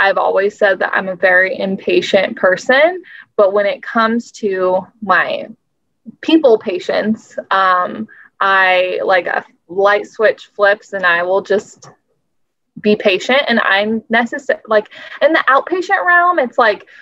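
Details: Adult woman speaking; no speech disorder.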